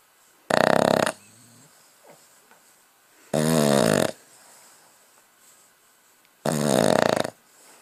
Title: Snoring while awake